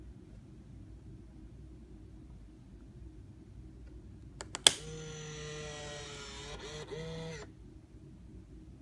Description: brief video showing basic operation of the B.Braun Infusomat Space IV pump